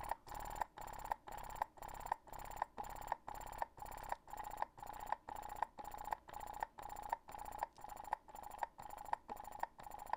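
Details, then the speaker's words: Medela Pump in Style electric breast pump, described as hospital grade, powered on and then turned down from its starting level. Rhythmic, very regular whirring suction cycles at about 120 a minute. "so if i power this on so you hear how fast it's going but i can turn it down"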